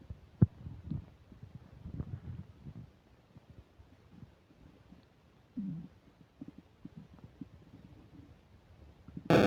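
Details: While eating a burger and fish fries with self-described upset digestion, close new microphone picks up frequent low gurgles, rumbles and short squeaky bubbling, ending in a static burst; loud stomach rumbling (borborygmi).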